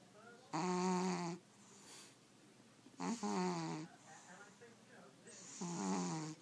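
Three loud, buzzy snores, each about a second long, with quiet breathing between them at about 24 breaths a minute. A cat snoring.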